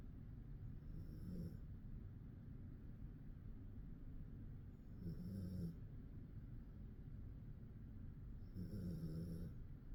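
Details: Male dog snoring while asleep, low rumbling snores about every 3.5 seconds, roughly 17 breaths a minute, over steady background noise.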